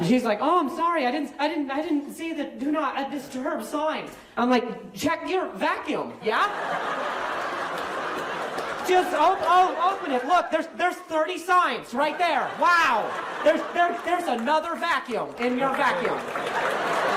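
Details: Male stand-up comedian whose stutter was acquired at age 20, appearing the day after a softball hit his throat (minor vocal contusion, major concussion); no stutter in childhood; acquired stuttering.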